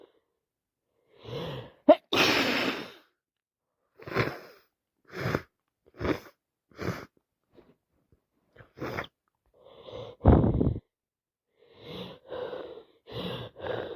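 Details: Person with nasal congestion from a cold plus sinusitis, unable to stop sneezing: run of about a dozen sudden sneeze-like bursts with sharp intakes of breath over fourteen seconds.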